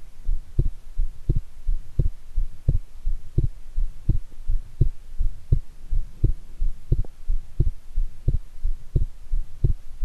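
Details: Own heart sounds recorded after taking a shower, with anticipation of an upcoming heart-themed TV programme: strong, regular heartbeat at about 87 per minute, each beat a firm low thump. Forceful heartbeat.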